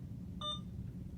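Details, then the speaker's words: A single short electronic beep against quiet room noise in a nursing school IV lab: an Alaris IV infusion pump powering down after the channel off button is held. "to power the machine off you can go to either channel and just hold in the channel off button"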